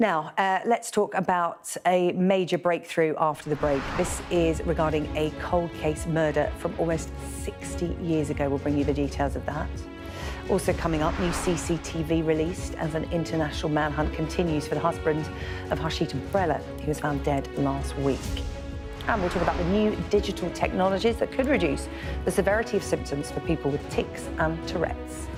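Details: Adult news presenter; normal speech.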